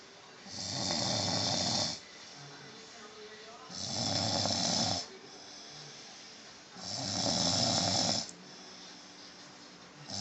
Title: My Mom snoring xD